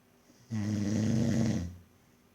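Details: An adult man who denies snoring gives a single loud, low, rattling snore of about one second on a breath in, in a quiet room. Snoring.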